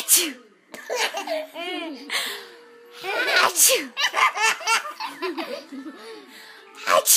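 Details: A sharp, forceful sneeze followed by an infant's bursts of laughter at it, with faint music behind.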